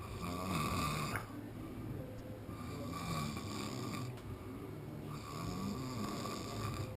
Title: Polynesian Snoring